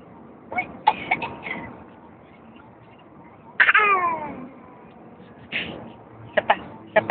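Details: Toddler aged 14½ months playfully imitating an adult's cough: several short, cough-like bursts, a mimicked rather than real cough.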